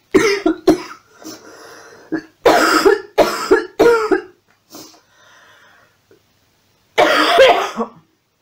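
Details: A run of about six loose coughs with throat clearing between them, from an adult with a sinus infection; a phlegmy cough.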